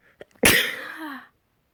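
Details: Dust-triggered sneeze: a few quick catching breaths, then one loud, hissing sneeze that trails off.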